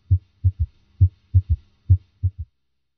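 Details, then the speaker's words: Simulated S3 gallop heard with the stethoscope bell at the apical impulse under light pressure, low-pitched triple rhythm about 67/min with a soft third sound just after S2, disappearing with firm bell pressure; third heart sound. "if the patient had an audible s3 it would sound like this now notice how the third heart sound disappears when the Bell is placed more firmly on the chest wall"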